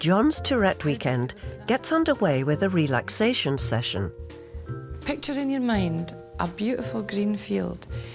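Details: Adult narrator, then a second calm speaker; normal fluent speech.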